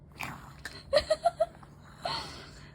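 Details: A child, asked by their mother how Papa snores, imitates it playfully: a short snort followed by quick, pulsing throaty sounds, not real sleep snoring; imitated snoring.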